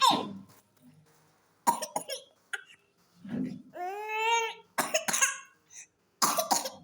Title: pertussis,cough....